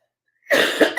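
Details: An adult with a cold, a sore throat and a lost voice gives a single short, harsh cough after a moment of silence; cough.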